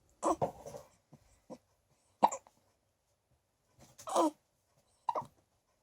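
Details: Newborn girl just over a week old with hiccups: brief, abrupt gulping catches coming irregularly every second or two.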